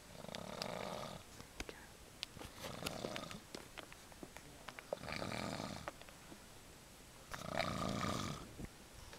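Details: Snoring during a camping trip: four rough, rumbling breath sounds about two to three seconds apart, with quiet gaps and faint clicks between them.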